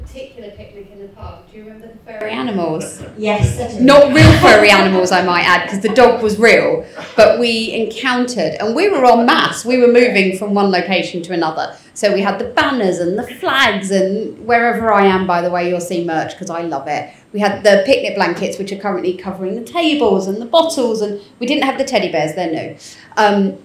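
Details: Adult woman speaking; typical speech.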